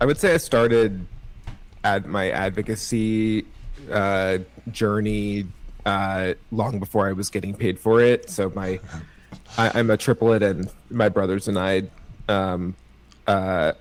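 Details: Stuttering in an adult man with cerebral palsy, who thinks his stutter is part of his CP.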